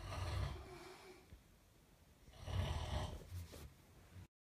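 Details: Snoring of sleeping parents: two rough, rumbling snoring breaths with a quiet pause between.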